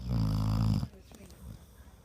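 A single loud, low, fluttering snore under a second long, then quiet room noise; snoring in a sleeping dog.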